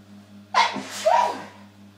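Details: Muffled sneeze into a bath towel while drying off after a shower, recorded on a phone: sharp intake and explosive but partly damped release over a steady low room hum.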